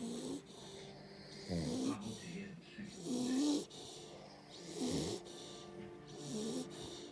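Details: Repeated low buzzing snores about every one and a half seconds, with a background hum; snoring.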